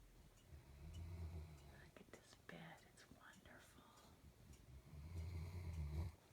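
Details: Two low, rumbling snores from a sleeping female pet in her new bed, with faint whispered talk between them; snoring.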